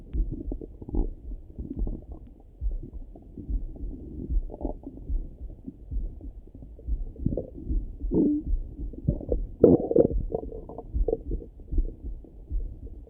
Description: Hope you guys enjoy my stomach rumbling in the moring :)